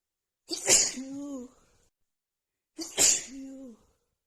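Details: Two forceful sneezes about two seconds apart, each trailing into a brief voiced sound, from a female with a cold after sniffing a tiny bit of black pepper, part of a nonstop sneezing fit; sneezing.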